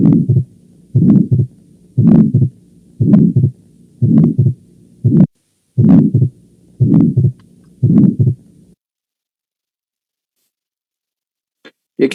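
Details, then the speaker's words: Late systolic murmur of mitral valve prolapse: regular heartbeat near 60 a minute, the murmur peaking late rather than mid-systole and ending before the second sound. "que tuvo origen dando un soplo sistólico inclusivo vean ustedes cómo aquí la máxima intensidad lo hace en forma tardía no es exactamente en la mesa sístole"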